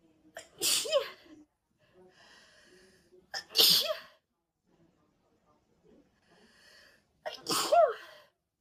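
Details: Three loud sneezes every three to four seconds, each with a quick indrawn breath, from a red-haired girl during a sneezing fit, possibly allergy; edited looped recording.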